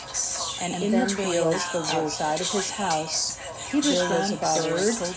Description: An audio/visual simulation of what it's like to experience a sensory overload as you struggle to process what you hear.